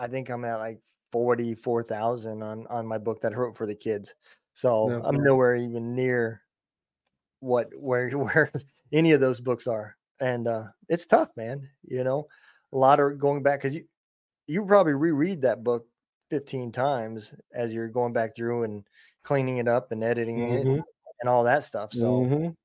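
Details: Adult man speaking; ordinary speech.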